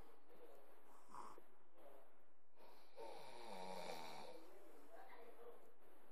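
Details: Faint rough breathing with one longer buzzing snore in the middle over quiet room noise; snoring.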